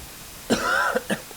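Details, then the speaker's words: Adult man on a podcast coughing with a wheeze: a sharp cough with a whistling, musical wheeze on the in-breath, then two short follow-up coughs. "you hear that wheeze in my yeah that's why they call me wheezy man"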